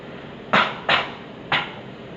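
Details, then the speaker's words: Three short, muffled, simulated coughs into the sleeve, demonstrating good cough etiquette when no mask is available; cough. "Safari atau kalau tidak kita tidak punya masker kita menggunakan lengan Oh ya contohnya kena batuk"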